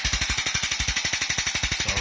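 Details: Extracorporeal shockwave therapy on the heel for plantar fasciitis, plantar fascia thickened on ultrasound: rapid regular mechanical tapping at about 12 pulses a second.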